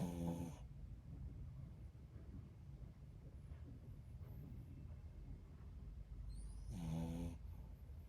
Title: He’s Snoring 😆